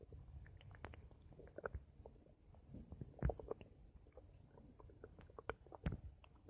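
Irregular gurgles, pops and low rumbles from the abdomen, typical of ordinary stomach rumbling.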